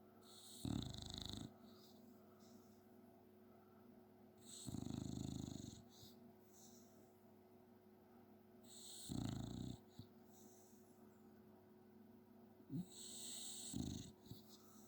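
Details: Steady, low rumbling snores with each breath, about four breaths over fifteen seconds with soft hissing between: a sleeping 9-year-old black and white Staffordshire bull terrier snoring.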